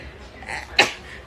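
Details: Young Japanese woman on a live stream, with sneezes that will not stop, gives a short breathy intake, then one sharp, explosive sneeze over background noise; she then asks viewers about hay fever.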